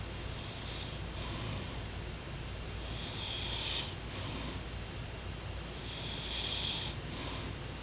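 Rough, noisy breathing sounds that rise and fall in slow cycles during sleep, with a steady background hum; snoring.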